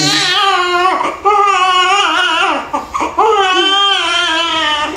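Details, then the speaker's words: Vigorous newborn girl crying loudly in sustained bursts with brief breaths between, just after a normal vaginal birth from face presentation with a swollen head; newborn cry. "Iyak iyak iyak iyak nagiiyak pa"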